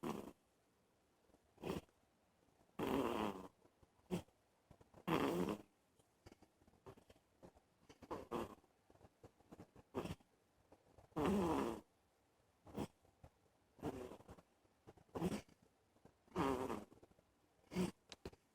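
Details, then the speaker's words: Little Brody, a dog, snoring while sound asleep in his swing, first time heard snoring: repeated rough, fluttering breath noises with quiet gaps between them. "Just like little Brody is snoring. Just like his father."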